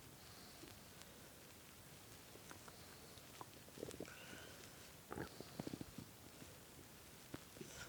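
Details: Adult boyfriend's hungry stomach, listened to while lying on it as he played a game: irregular gurgles and brief squeaky rumbles; ordinary hunger-related bowel sounds (stomach growling).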